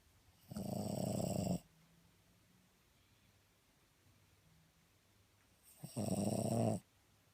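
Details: A sleeping dog gives two loud, rumbling snores about five seconds apart, with quiet breathing between.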